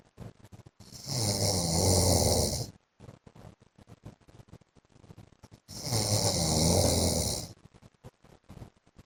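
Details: A wife records her husband snoring in his sleep: two loud, rough snores about two seconds long, roughly five seconds apart, with faint clicking between breaths; heavy snoring.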